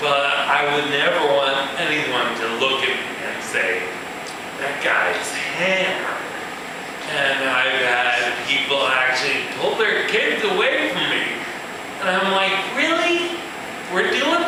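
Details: Adult male with ataxia, a progressive neurological disorder in which cerebellar cells die, affecting balance and speech; he reports his speech has improved; ataxic dysarthria.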